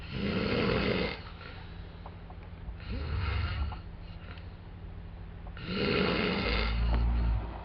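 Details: Two adult men asleep in a hostel room in Cologne; deep, rattling snores on each inward breath with quieter exhalations between, three in under eight seconds, faint room hum; snoring.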